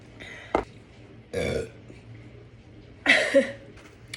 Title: Watch streamer eat and burp #burps